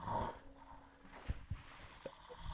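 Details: Soft, low rasping breaths with short snorting bursts from an 18-year-old female cat asleep in an odd position on a couch in a quiet room: snoring.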